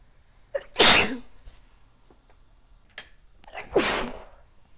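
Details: Two induced sneezes, each with a quick inhale then forceful burst, the second with trailing breath, after a woman tickled her irritated nose with a clothes tag; sneezing.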